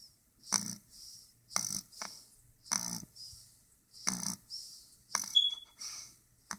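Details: Dog snoring: rhythmic snorting breaths with a quieter exhale after each, about five cycles in six seconds.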